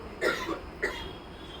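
Two brief dry cough bursts from an adult, about half a second apart, in a quiet room.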